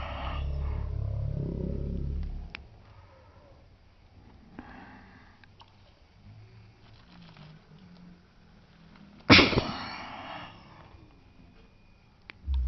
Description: One week old baby sneezing in 120 fps slow motion